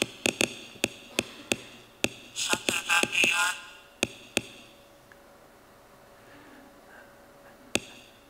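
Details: Sharp irregular clicks and a brief crackling burst: a single neuron in a woman's brain, recorded by electrode, firing more as she closes her eyes and recalls a Simpsons clip she watched earlier.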